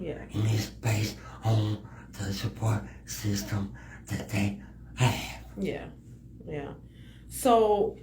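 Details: Speech impediment in a male guest; finding: speech impediment.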